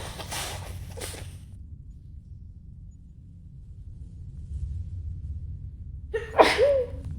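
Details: Acted female sneezing from allergies, trying to muffle them in a cinema: two stifled, muffled sneezes, then a quiet pause and one loud open sneeze.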